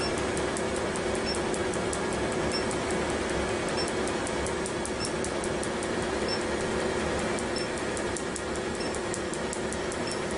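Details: Laser tattoo removal on the back, after about 20–25 minutes of numbing cream, with erythema noted: rapid steady ticking snaps of the laser firing, roughly two to three pulses a second, over a constant machine hum.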